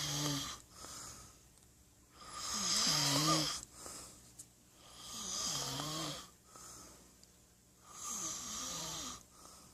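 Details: Adult asleep on a couch, snoring during sleep.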